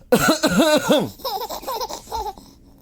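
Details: A father's few harsh adult coughs, followed by an infant girl's bright rhythmic laughter.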